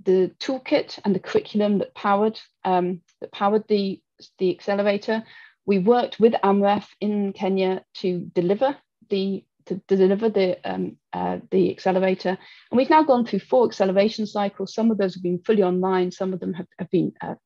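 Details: Adult woman speaking; typical speech.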